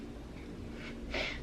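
A low, quiet room hum, then a brief rough, snorting breath from a napping pet.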